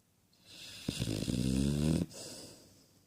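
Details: Cane Corso dog snoring while asleep: a single loud, rattling, low-pitched snore lasting about a second, with soft breathing before and after.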